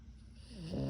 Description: The name of our SNORING PUG PUPPY is Kyro. He was 11 months old when I took this video. He likes to sleep in between our legs then SNORE.